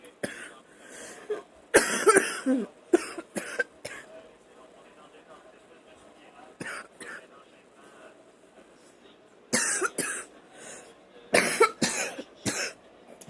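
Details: Person coughing up a storm while watching TV: bursts of harsh coughing, often two or three together, about eight coughs in all, with quiet room sound between.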